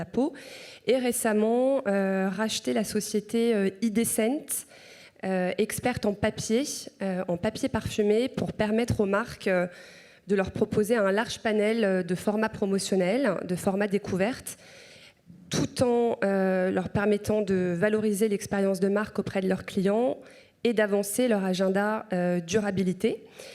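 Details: Adult woman speaking French; normal voice.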